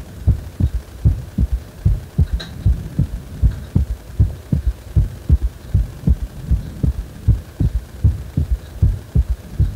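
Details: Regular low thumping heartbeat, about 78 beats a minute, with a faint hum behind it, described as a heart that feels wobbly ("guragura").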